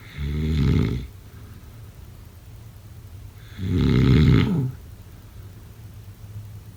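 Two loud, low, rattling snores on breathing in, about three and a half seconds apart, with quiet room noise between: snoring during sleep.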